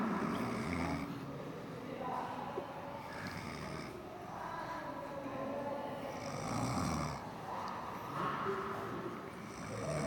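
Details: Loud, rough, rattling breathing noise rising and falling with each breath during sleep, shared as a funny clip; heavy snoring.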